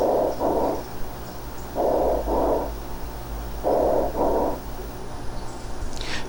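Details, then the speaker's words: Bronchial (tubular) breath sounds over lung around consolidation in resolving pneumonia: hollow, tubular breaths without crackles or rales, with inspiration and expiration nearly equal in length because lung expansion is still restricted. "cómo es un sonido tubular no hay estertores no hay crepitaciones notaran que la inspiración es más corta y la inspiración y la inspiración casi durar el mismo tiempo"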